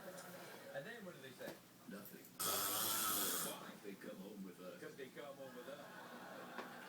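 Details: Husband snoring in his sleep: one loud, harsh snore about a second long, with people talking in the room before and after it.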